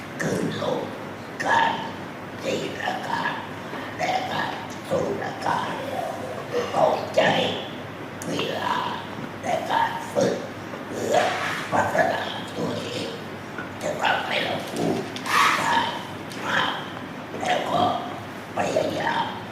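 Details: Man practising esophageal speech after total laryngectomy (whole larynx removed), moving from the sound 'a' to forming words; esophageal speech after total laryngectomy.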